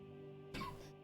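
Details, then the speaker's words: Adult man, a bit hoarse and still coughing a little: single short harsh cough or throat clear under half a second over steady background music. "still coughing a little bit too, but not nearly as bad as my daughter Aurora."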